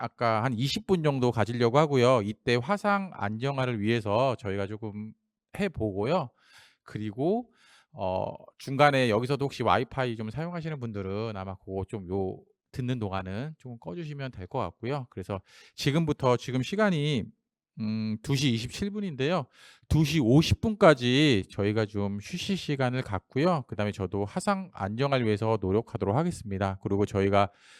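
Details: Adult male speaker; normal speech.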